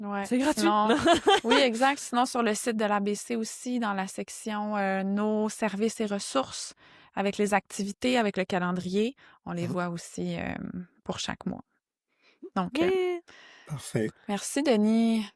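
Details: Adult woman speaking French; typical speech.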